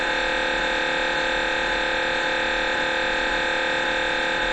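Loud, steady mechanical buzzing drone with rapid repeating pulses, about 220 a minute: MRI scanner noise during an imaging sequence.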